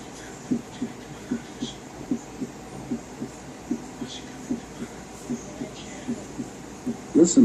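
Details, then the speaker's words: Third heart sound (S3) heard with the stethoscope bell placed lightly on the apical impulse, patient rolled onto left side; regular low-pitched beats near 75/min with faint early-diastolic thud that disappears with firmer bell pressure. "if the patient had an audible S3 it would sound like this now notice how the third heart sound disappears when the bell is placed more firmly on the chest"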